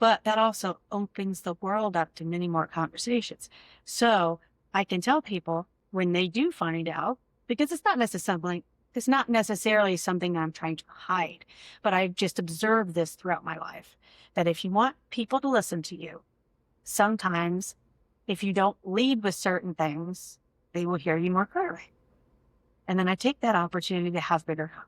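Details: Adult woman speaking; fluent speech.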